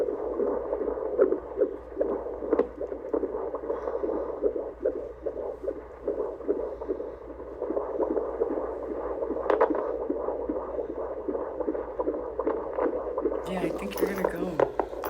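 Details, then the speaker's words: Fetal heartbeat on Doppler, a baby boy: rapid whooshing pulses of roughly 150 a minute with movement noise, described as an active, good heartbeat, with mention of the baby moving continuously. "That's the heartbeat? That heartbeat active. It's not because the baby's moving continuously."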